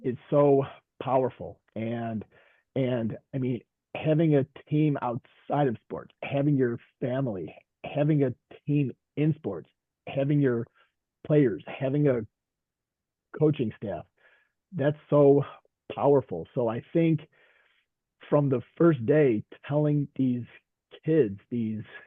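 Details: Veteran high school coach and special education teacher who stutters; stuttering.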